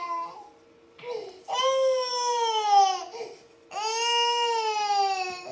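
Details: Baby crying near a Norwegian Forest Cat that unintentionally makes it cry: loud, sustained wailing with short catches of breath; ordinary infant crying.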